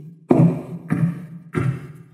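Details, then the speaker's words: Three sharp vocal thumps break a quiet start, a beatbox imitation of phase 1 Korotkoff sounds, the first appearance of sounds marking systolic pressure during blood pressure measurement. "You know the 1st phase well. First appearance of sounds. [sounds] At first they were not, and then they appeared."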